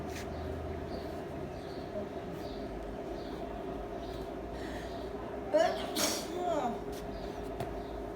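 Steady room hum, then a single voiced rising 'ah' building into one sharp explosive burst: a single sneeze.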